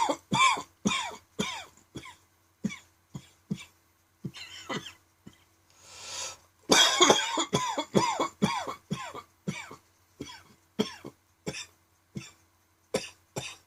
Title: Dry Tickly Evening Cough